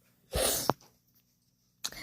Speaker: you want to know something funny? I'm amazing at fake sneezing.